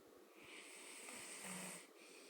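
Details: A single soft, rough breathing snore over steady room hiss from a sleeping Black man who claimed he doesn't snore; snoring.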